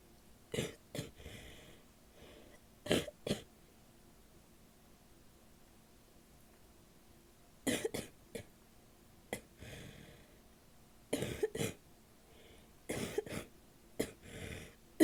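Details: Adult woman giving repeated short bouts of harsh, barking coughs with a loose, wet quality; wet barking cough.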